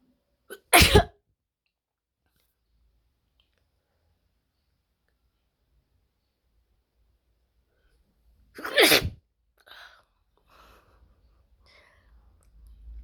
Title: loud, WET Sneezes Africa.